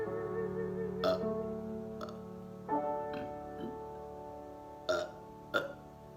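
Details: Burping soundscape over Debussy's "Romance": piano music with several loud, abrupt belching bursts placed over it for comic effect.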